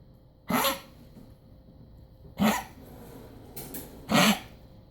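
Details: Dog coughing on Sept 26, 2016, for an hour in the morning and again from about 4 p.m. until bedtime while upright: three harsh honking cough bursts about two seconds apart, with a fainter one between.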